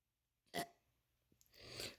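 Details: A 5-year-old boy's self-induced voluntary burp: a single short, abrupt burp followed by a softer noisy breath.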